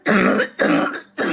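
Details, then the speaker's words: Two to three harsh, rattly cough bursts imitated by an adult to demonstrate a junky, wet, mucus-laden productive cough, as in severe COVID-19, contrasted with a dry cough. "Do you hear how that sounds so junky? That's not a dry cough."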